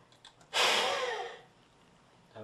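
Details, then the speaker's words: One sharp, strong blast of air lasting about a second, fading out; a forced exhalation into a handheld peak flow meter held by the finger grips, a good effort reading 550. "take a deep breath in open your mouth hold that breath and put this in your mouth and blow into that okay and that one's at 550."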